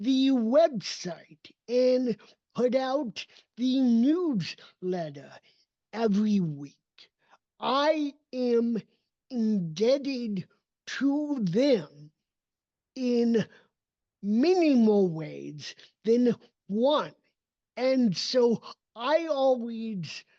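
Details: Dysarthria in an adult man with cerebral palsy, a neurodevelopmental disability affecting his motor development and movement.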